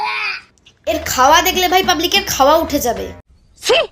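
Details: Adult speaker; typical speech.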